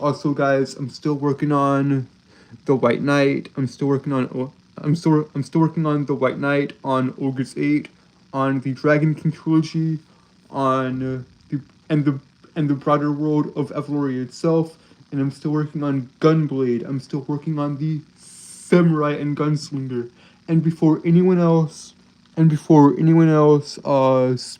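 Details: Adult man who reports a speech impediment causing stuttering and tripping over his words. Finding: stuttering.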